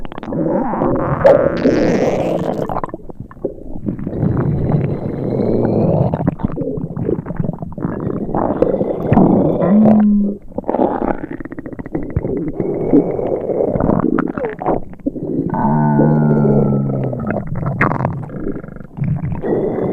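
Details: Simulated stomach rumbling from a sound-effects recording of an upset tummy: irregular low gurgles and rumbles with brief squeaky tones, like gas moving through the gut.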